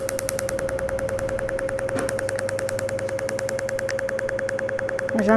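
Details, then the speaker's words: Cutera enlighten picosecond laser, pico genesis mode, in whole-face treatment for tone, pores and collagen, done by a dermatologist: rapid, steady snapping pulses about 200 a minute over a constant tone as skin pigment breaks up. "on entend beaucoup moins de laser que le laser va être captée par le capter de pigments il va être la lumière va être en chasser dans cette molécule de pigments qui éclate par la suite"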